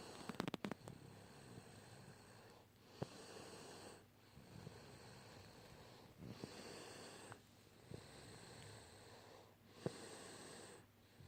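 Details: Snoring during sleep: rhythmic, rough, snorting breath sounds repeating about every two seconds, with brief pauses between them.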